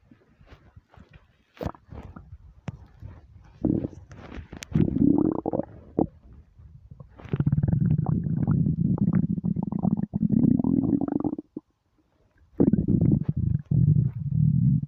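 Loud, prolonged low rumbling and gurgling with crackly pops, in long bursts. Hunger-related stomach rumbling.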